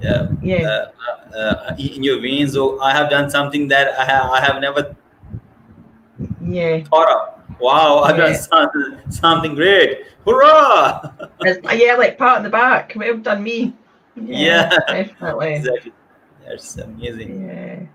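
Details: Adult woman from Scotland, describing having had a speech condition; stuttering.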